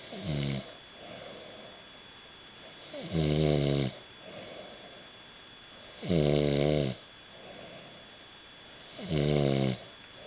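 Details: Person snoring at Keekoroke: loud, rough snores on each in-breath, about 20 a minute, with quiet out-breaths between them.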